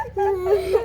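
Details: Young child, with a bleeding leg wound being treated with medicine, gives a brief, drawn-out whimpering cry on a steady, moderately high pitch; child crying.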